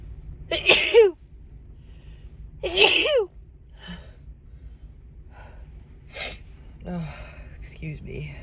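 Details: Woman with a sneezy cold, stuffed-up, tickly nose and watering eyes: two forceful voiced sneezes about two seconds apart, then sniffs and soft breathy sounds; repeated sneezing.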